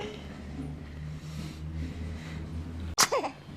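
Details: Day 9, filmed with a GoPro Hero 3+ Silver: quiet room hum, then one abrupt, sharp burst with a short voiced tail; a single small sneeze.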